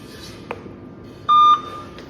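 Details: Single short electronic beep from an anesthesia machine in a quiet room after calibration reaches 100% and it enters standby, during pre-anesthesia machine preparation; device beep.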